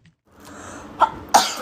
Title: Sneezing Moments